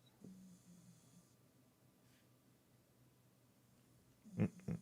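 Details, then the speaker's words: A sleeping female dog snoring while dreaming, with paws twitching: faint low rumbling breaths, then two loud pig-like snorts. "Oh, you can hear Watson snoring. That's good. I'm glad. She's really going for it as well."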